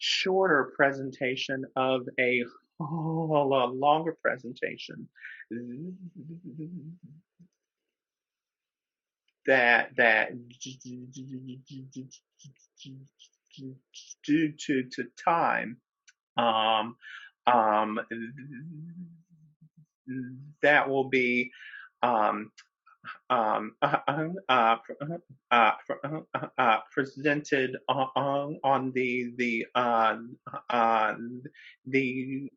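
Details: Real stuttering in a man who is a person who stutters, speaking as a webinar co-host; repetitions, interjections and pauses are heard; stuttering.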